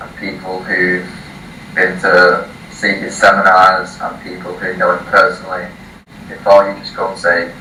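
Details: 18-year-old male from the UK who has stuttered since early childhood, first seeing a speech therapist at age 4, reading a passage aloud before a 3-day speech course; blocks and repetitions; stuttering.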